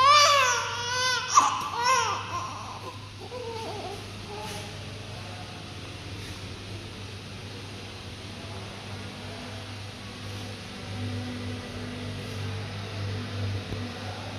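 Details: Newborn girl gives a few short, rising cries after birth and cleaning, fading within seconds, leaving steady room hum.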